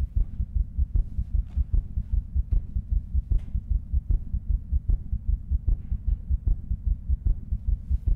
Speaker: can we hear them again and so this is the recording we've been able to pull out of this the first time a fetal heartbeat was recorded in 1908 by a soap bubble